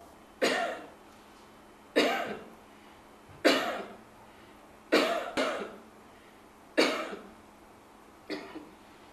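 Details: Six deliberate, evenly spaced voluntary coughs from an adult woman, one doubled, each a sharp burst fading quickly in a quiet room, recorded for an AI smartphone tuberculosis cough-detection app trial in Nairobi, Kenya.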